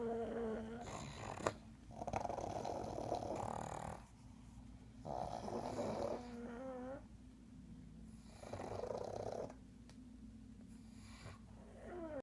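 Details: Overlapping snorting, rattling snores with whistling tones on some breaths from three sleeping pugs; loud snoring in flat-faced dogs.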